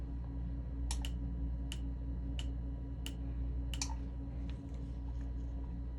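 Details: Laser removal of eyebrow microblading done about 7 years ago, with pigment migrated and faded: about seven sharp, crisp snapping laser pulse clicks over a steady low room hum as the old pigment is broken up.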